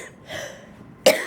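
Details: Cystic fibrosis patient in hospital after coughing up blood, unable to finish chest physiotherapy vest: a faint breathy sound, then one abrupt, harsh cough burst.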